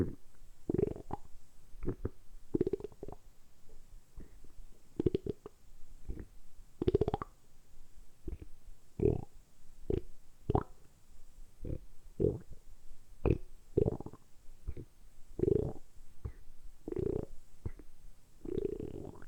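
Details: Stomach rumbling (borborygmi): frequent gurgling, bubbling abdominal rumbles one after another, recorded close up, deliberately produced during about ten minutes of continuous rumbling for an ASMR recording; normal bowel sounds.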